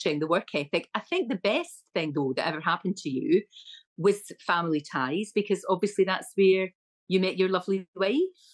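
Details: Adult woman speaking; ordinary speech.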